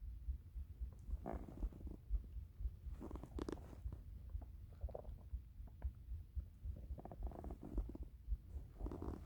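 Low, gurgling rumbles rising and falling irregularly: stomach rumbling from an empty, hungry stomach, a normal finding.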